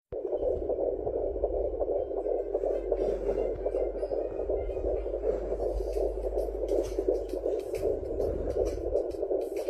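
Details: Fetal heartbeat heard in early pregnancy through a handheld fetal Doppler: rapid rhythmic whooshing pulses at roughly 160 beats a minute.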